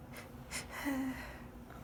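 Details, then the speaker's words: A quick in-breath, then a muffled, stifled sneeze with a short voiced catch, muffled into a handkerchief held tight over the face, late at night; sneezing attributed to high pollen. "I feel like they sound weird you because I can't take as much air as I want to you Oh they're ruffled into the hankie that's why they sound quiet cuz it's late much don't sleep"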